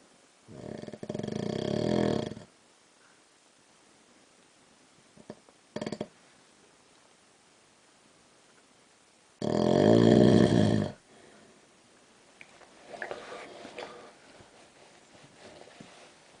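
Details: Adult man (husband) snoring while asleep at night, getting louder over time: loud, rough, rattling snores of one to two seconds, separated by quiet pauses, with a few brief snorts between them.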